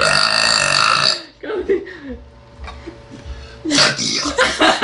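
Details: A young girl burping: loud, rough, drawn-out belches at the start and end with quieter voiced sounds between; burping.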